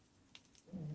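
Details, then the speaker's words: A quiet room with a couple of faint clicks, then a low rumbling snore begins from a sleeping male Bulldog in the background; snoring. "so if you can hear this in the background but Otis my Bulldog boy she's snoring oh isn't that sweet"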